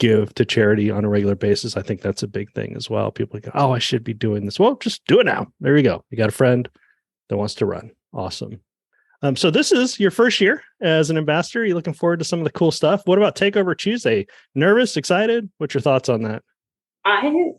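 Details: Adult male speaker; Normal conversational speech.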